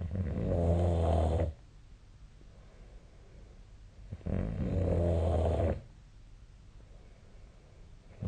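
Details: Snoring during sleep recorded with the SnoreLab app: two loud, low, rattling inhalation snores, about 15/min, with quiet breathing between.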